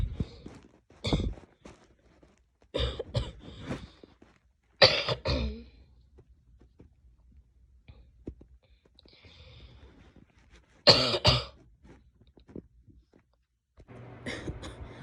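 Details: Several separate coughs and throat clearings from a female, spaced across a quiet room with short pauses between.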